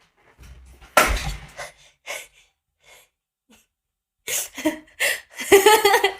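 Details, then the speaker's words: Chinese woman with allergy, nose sore from blowing, possibly for two weeks; a sudden explosive wet sneeze, then breathy sounds and short vocal bursts; sneezing. "等一下，我要打喷嚏。"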